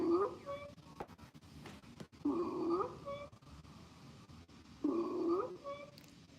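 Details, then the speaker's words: Sample audio of harsh, high-pitched crowing with each breath about every two and a half seconds: stridor from laryngeal and tracheal narrowing by swelling or obstruction. "so what causes this sound well it's occurring because there's narrowing of the larynx and the trachea from swelling due to some type of infection or blockage from an object"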